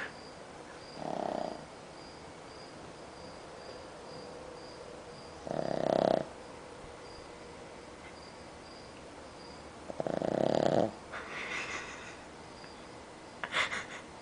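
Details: Pug passed out asleep after watching a movie: three loud, rough snoring sounds about four to five seconds apart, ending in a snort.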